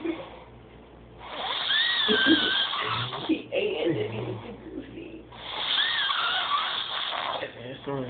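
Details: Two long, loud, rasping snores a few seconds apart with a quieter breath between them, while others laugh; ordinary snoring.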